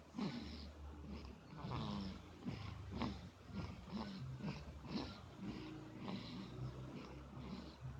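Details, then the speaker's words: Baby snoring while drinking milk from a bottle without letting go of it: soft, rhythmic snoring noises with some sucking sounds; infant snoring. "ngoroknya udah kayak bapaknya. Oh bubu ya Dik, bubu ngorok."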